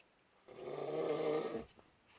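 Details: Husband snoring loudly during sleep: a single loud, rattling inhaled snore lasting about a second, set against a quiet room; snoring.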